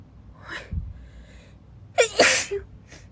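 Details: A girl sneezing while reading aloud: a quick catch of breath, then one sharp, explosive sneeze with a voiced cry; a single ordinary sneeze.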